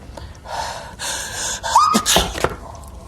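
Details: Acted sneezing in a Russian drama scene: a gasping intake with a rising voiced sound, then sharp sneeze bursts, with others responding "bless you".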